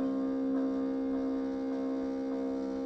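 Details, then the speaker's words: Steady low motor hum from a Harvard Apparatus 55-2222 microprocessor multiple syringe infusion pump, running much faster at rate 999 with the diameter set to 2. "set rate and we're going to go 999. hit enter there we go so yeah now that's going much faster"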